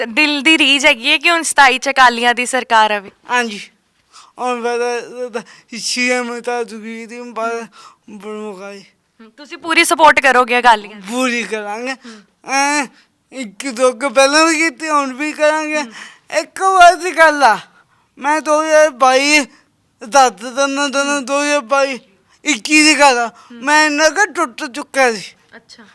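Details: Young man with a disabled hand and a speech problem present since birth; stammering.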